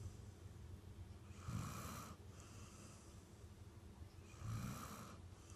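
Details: Ordinary sleep snoring: two slow, low, fluttering snores about three seconds apart on the in-breath, with soft breathing between.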